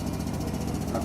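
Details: High-frequency oscillatory ventilator (HFO) running during a demonstration and performance check, with the piston being centred: rapid, steady mechanical buzzing flutter of the oscillator piston.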